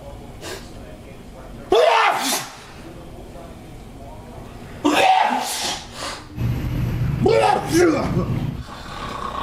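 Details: A dad sneezing obnoxiously loud in a comedy sketch: three loud, forceful voiced sneezes, each with a sharp intake and an explosive release.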